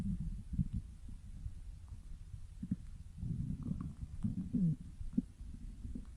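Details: Low gurgling rumbles with bubbly pops and a brief squeak: ordinary stomach growling (borborygmi) from gas and fluid moving through the gut.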